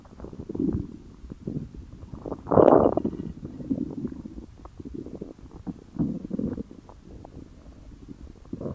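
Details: Aardvark's stomach growling: low gurgling and rumbling bursts with a louder growl near the middle, attributed to hunger.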